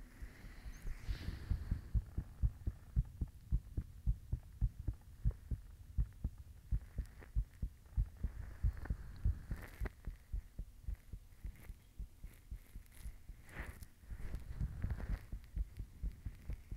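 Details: Person recording their own heartbeat while blushing: steady, regular, low thumps at roughly 75 beats a minute with faint background hum; a heartbeat.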